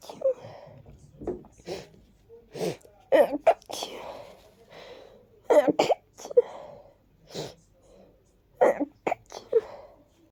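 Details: Person with a stuffy head cold sneezing into tissues: a run of repeated sneezes, several muffled, with sniffs between them.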